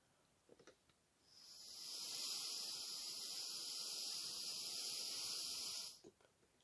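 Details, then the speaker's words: Homemade Arduino smart incentive spirometer with mouthpiece, person blowing at moderate flow (second level, better but not best status); steady airy hiss of breath for about five seconds. "so next i will show the second value of my blow which has been better but not best"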